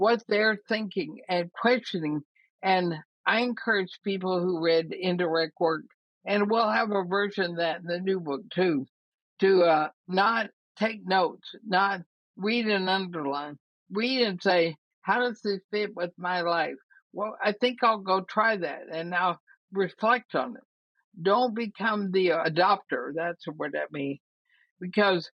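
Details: Woman, about 80, with ALS (Lou Gehrig's disease), already having quite a bit of trouble speaking though she thinks she is still intelligible; dysarthria (ALS).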